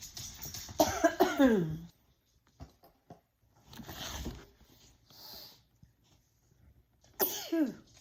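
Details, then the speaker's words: Sneezing in a living room: several short, sharp bursts of air in quick runs with quiet gaps between them, repeated sneezing. "Did you sneeze?"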